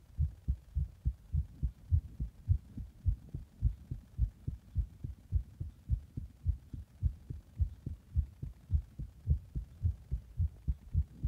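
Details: Rapid heartbeat after drinking a Monster energy drink in the bath and then applying compression: fast, regular, strong heartbeat at about 105 beats per minute, heard as quick steady thumping at the chest.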